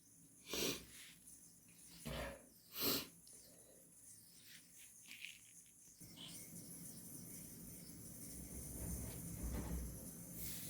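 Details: Hay fever or induced sneezing: three forceful wet sneezes, then a long stretch of noisy nose-blowing.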